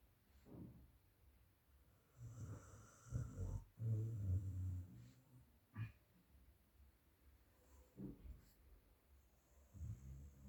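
Loud, irregular snorting snores from a sleeping dog, rattling low breaths repeating every few seconds.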